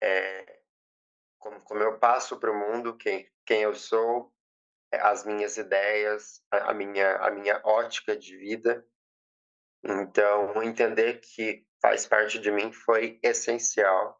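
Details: Stuttering since age 7 in a 20-year-old woman after speech therapy; she says emotions and nervousness intensify it and reports being very nervous.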